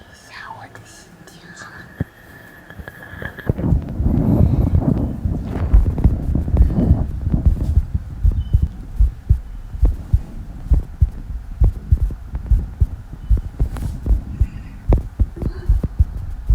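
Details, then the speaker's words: Rapid, muffled heartbeat thumps picked up by a chest microphone, with a brief tone at the start; the person reports a racing heart during a prune juice challenge. "感觉我的心跳在不动的在跳，心跳跳得好快呀！"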